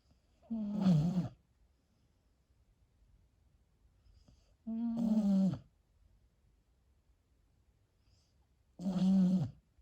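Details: Husky dog asleep: three loud, low, rattling snores about four seconds apart with quiet breathing between; snoring.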